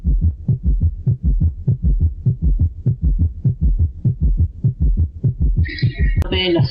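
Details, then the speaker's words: Summation gallop: rapid regular heart sounds near 100 per minute, with third and fourth sounds fused into one loud diastolic sound, even louder than the first and second sounds. Teaching recording. "que vamos a escuchar a los ritmos de galope de suma quiere decir que vamos a encontrar el tercer y cuarto ruido prácticamente funcionado como si fuesen un solo y que va a tener incluso un mayor intensidad que el primer y segundo redondeado"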